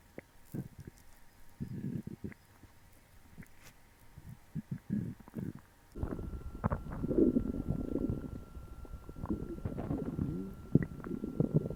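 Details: Borborygmi: low gurgling and rumbling stomach noise, quieter at first then louder and sustained, recorded after eating a meal for the first time in a while.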